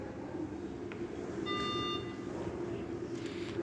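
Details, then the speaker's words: Brief electronic alarm tone over room noise during a full anaesthesia machine checkout test: a failure alarm for wrong circuit selection, because the bag/vent switch had not been set to bag; APL valve set between 30 and 70. "number one you can see okay there's a alarm here fail wrong circuit selection why because we haven't switched the set back to back set the back vent switch to bag"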